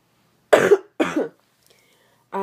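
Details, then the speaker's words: Two harsh, separate cough bursts in a quiet room, followed by the start of another sound; adult with a cough talking about a yoga flow; cough. "I'm gonna apologize cuz I how could I faster they have a cough and I already made a video but apparently it's too long to upload"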